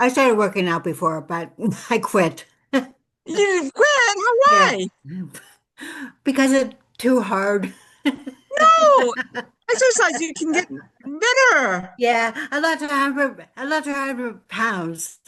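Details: Adult woman with lifelong post-stroke aphasia after a severe stroke in 2012, real, speaking in an aphasia support group, with difficulty putting words together; aphasia.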